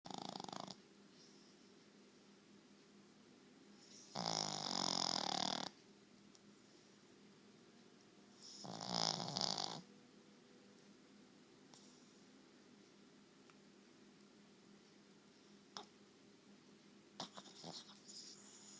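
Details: Dog napping: snorting, rattly snores a few seconds apart over steady background hum; ordinary sleep snoring.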